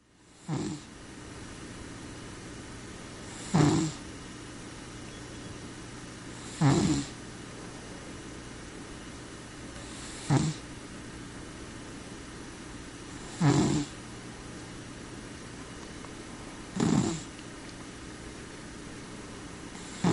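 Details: Sleeping cat snoring: soft, regular snores, roughly 19 a minute, over steady room noise.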